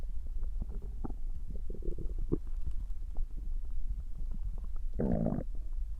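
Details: Stomach growling (borborygmi): low gurgling and rumbling from the gut with a louder growl near the end; ordinary bowel sounds.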